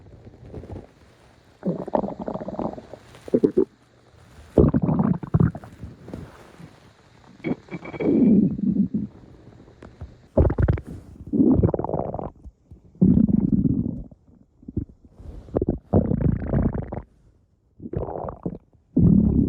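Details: Repeated loud, low gurgling and rumbling bursts of stomach growling; ordinary bowel sounds (borborygmi).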